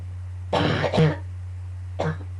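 Two harsh coughs close together, then a third after a pause, over a steady low hum; a coughing fit.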